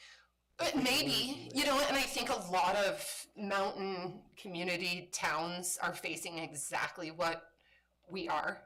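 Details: Adult woman with spasmodic dysphonia, a voice disorder she describes as a brain disorder that kicks in intermittently and likens to RFK's condition; spasmodic dysphonia.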